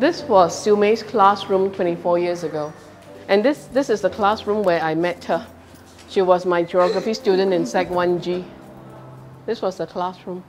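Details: Adult speaker; Normal speech.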